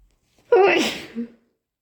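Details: Powerful sneezes induced with effort by a person who is not sick but could not sneeze naturally, with nose blows: sneeze.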